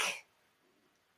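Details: Single short, dry adult cough off camera from someone getting over a cold, then quiet room background.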